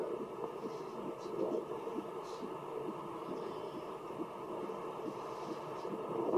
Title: Baby Heartbeats C SOUND Effect